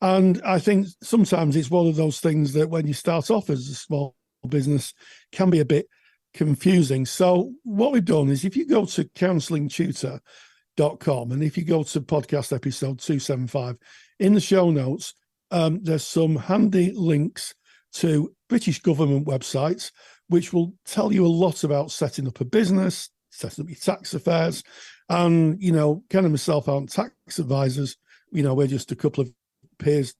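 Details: Adult man speaking; typical adult speech.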